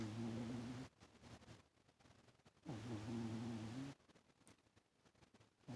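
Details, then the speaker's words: Toaster, a cat sleeping on the owner's lap: two slow, buzzing, low snores, each about a second long, with quiet breaths between. "He's sleeping on my lap, rolling like that and snoring. Can you hear Lee snoring?"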